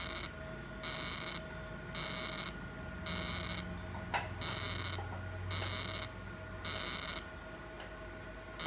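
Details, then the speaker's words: Fractional CO2 laser firing on non-hypertrophic areas of an accidental hand scar in a male patient, after topical anesthesia and mesotherapy: regular high electronic bursts, about 54 a minute, over a steady hum. "now I'm going to do co2 laser and all the star area are you comfortable good so we will cover all the star area whether hypertrophy or non hypertrophy"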